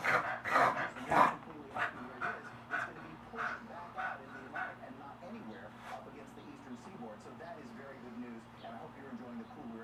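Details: Beagle having one of his longer reverse sneezing episodes: rapid, repeated snorting inhalations, loud at first then fading; reverse sneezing.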